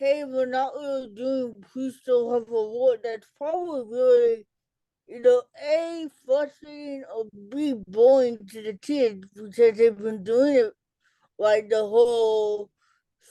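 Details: Adult woman, an educator and author with cerebral palsy, who had a childhood speech delay treated with intervention, speaking in a real interview: dysarthria in cerebral palsy.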